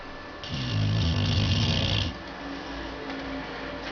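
A loud, buzzing snore lasting over a second, then a quiet breath out, from a sleeping dog.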